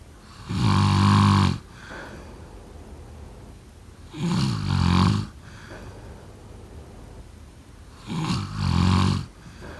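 Three loud, rattling snores on inhaling, about 16 a minute, with quiet breathing between: ordinary sleep snoring.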